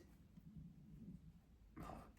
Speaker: do you hear that tummy growl? Oh dear, I'm going to have to break my fast soon if this is the go.